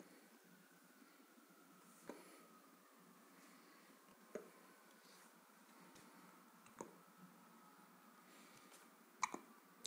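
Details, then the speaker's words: Baby who has just fed, with hiccups: four soft, sharp hiccups about every two and a half seconds in a quiet room, faint breathing between. "мы икаем ще икаем Мы покушали только что достаточно"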